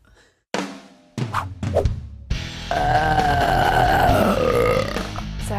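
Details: Deliberate burping by a woman who learned to open her throat and swallow air: a few short belches, then one long, loud, drawn-out belch with shifting tone; background music.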